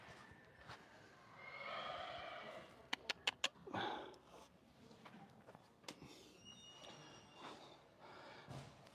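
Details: Horse during a chiropractic session, new to the practitioner and somewhat irritable, biting at the air: a breathy, rushing nasal blow, then a few sharp taps and quiet room sounds; an ordinary snort.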